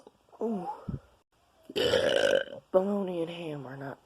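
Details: Person burping: a short voiced sound, then a rough belch and a long drawn-out voiced burp; ordinary burping.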